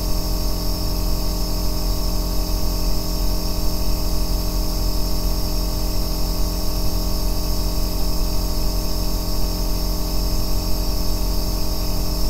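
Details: Steady, deep rumbling hum with constant motor drone and no breaks: an aerosol nebulizer running continuously, recorded as sleep white noise.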